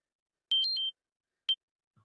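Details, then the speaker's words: Several short high-pitched electronic beeps, then one more after a pause: a diabetes glucose monitor alarm sounding through a phone during a live podcast. "Uh my my little diabetes alarm's going off. So it's goes all through my phone. So I was hoping we weren't hearing the beeping out there."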